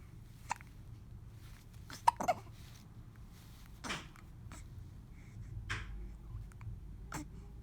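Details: Baby hiccups: soft, quick catches of breath recurring every second or two in a quiet room.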